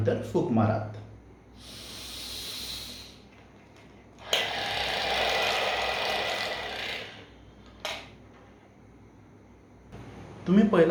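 Speech, then slow, sustained, airy inhalations and exhalations through a device, each lasting a few seconds: deep breaths on an incentive spirometer.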